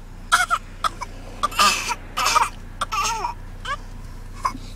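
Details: Twin small girls faking coughs to get attention, copying their older sister: short, voiced, cough-like bursts, deliberate voluntary imitation coughs, not from illness.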